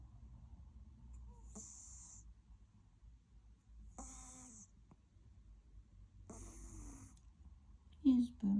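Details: Sleeping male black cat gives three soft, raspy breaths with a hissy edge, about 25 a minute, then a brief louder noise; snoring after an active day.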